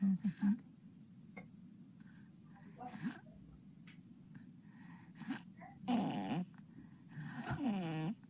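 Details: Sleeping child with sleep-disordered breathing: noisy mouth-breathing snores, then hard gasping for air after obstructive pauses in which his breaths moved no air into the lungs, gasping after obstructive sleep apnea.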